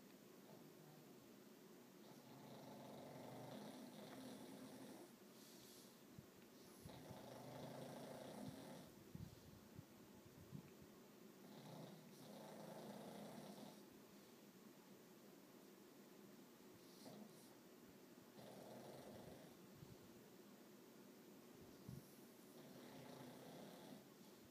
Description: The pug snoring